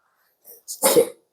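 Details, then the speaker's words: Dog with rhinitis that worsens in cold wind: a short snorting burst, then a harsh wet sneeze-like cough. The dog has nasal congestion and mouth breathing, and thick gum-like mucus is suctioned out. CT showed the nasal cavity full; it cannot sleep at night. "이렇게 재채기도 하는 거 같은 느낌 재채기도 하고 그러니까는 코 코막힘도 있고 기침도 하고"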